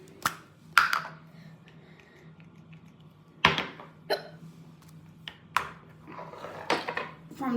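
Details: A person hiccups while talking in a quiet room: sharp, brief catching sounds recur irregularly, about six in seven seconds. Typical hiccups.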